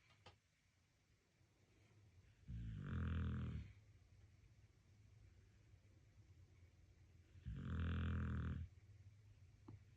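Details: Dog snoring while sleeping soundly: two long, low, rumbling snores about five seconds apart, roughly 12 a minute; ordinary snoring.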